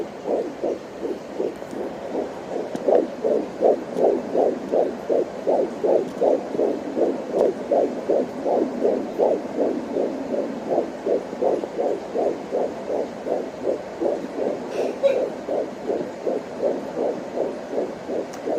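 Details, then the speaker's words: Fetal heartbeat on home Doppler at 14 weeks of pregnancy: rapid, regular whooshing, galloping pulses around 160 a minute (reading 161–162), with baby movement and kick sounds. "There's baby's heartbeat. Baby's heart rate is about 160. Because you see it's fluctuate between 162 and 161."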